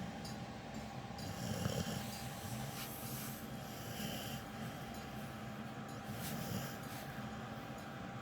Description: He is a loud snorer.......lol